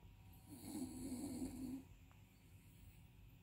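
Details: Dog keeps snoring even while awake: one brief rattling snore-like breath against faint background noise; snoring.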